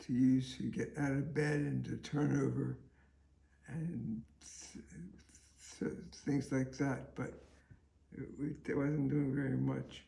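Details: Adult man with multiple system atrophy affecting walking and talking; paralyzed vocal cord, poor swallowing, tongue and lip weakness; dysarthria (slurred speech).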